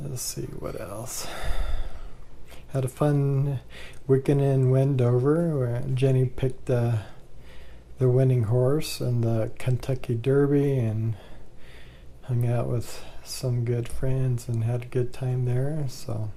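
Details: Man with ALS, 2 years 3 months since diagnosis, says talking is getting rougher and he can't project his voice as much; dysarthria (ALS).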